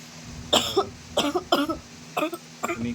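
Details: Woman ill with severe cough, fever, headache and body pain after getting soaked in rain, after an injection: a run of five short, harsh coughs in quick succession, each a brief burst.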